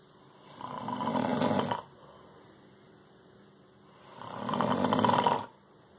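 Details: Man snoring, from a CPAP commercial: two loud, rattling snores about four seconds apart with quiet gaps, roughly 15 breaths a minute; ordinary snoring.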